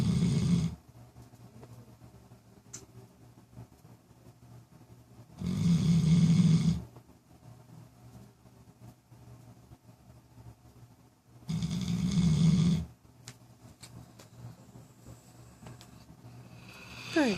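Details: Female pet snoring in sleep, recorded days before her later seizures: deep rumbling snores roughly every six seconds, about ten breaths a minute, with quiet room sound between; ordinary sleep snoring.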